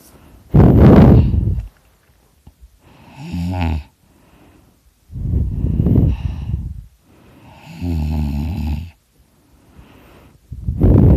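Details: Loud, rattling snoring on both inhalation and exhalation, about 12 per minute, during sleep; the snorer did not know they snored this loudly until they recorded themselves.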